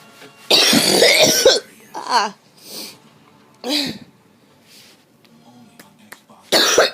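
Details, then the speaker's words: Girl who thought she just had allergies and says her chest hurts: bursts of harsh, noisy coughing with a few short throat sounds and quiet breaths between, ending in another cough burst. "I thought it was just allergies I really wanted it to just be my allergies G [Music] oh my my chest hurts"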